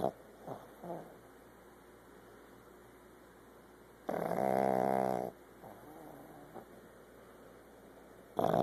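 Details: Snoring in a female pug nearly one year old that snores all the time and does not need airway surgery: a loud, buzzing snore with long quiet gaps during sleep.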